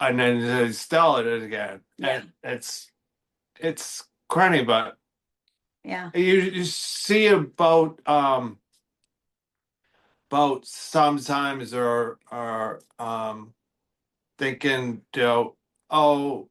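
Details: Expressive aphasia in an adult male after a stroke in October 2025 affecting the Broca speech centre.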